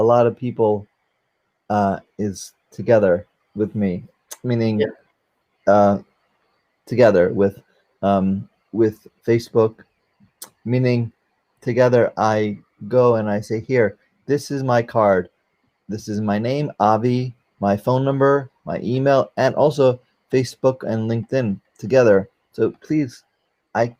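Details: 44-year-old man, a former paramedic, with aphasia from a stroke during surgery for a valve prolapse; he cannot use one arm; aphasia after stroke.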